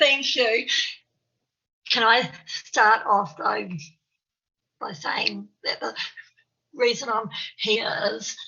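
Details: Stuttering (stammer) in an adult woman, an early childhood teacher in New Zealand, who describes herself as having a stammer.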